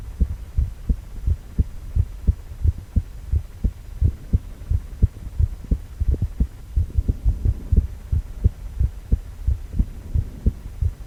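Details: Male heart on ultrasound, 4-chamber view: regular deep thumping beats about 88 a minute over a low hum; normal heartbeat.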